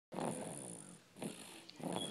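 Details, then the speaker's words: Snoring in a sleeping two-month-old puppy: three rough, rattling breaths in a row, each about a second long; owner wonders if it is normal. "snoring. This boy don't play. Is that even normal? I swear he's a grown man."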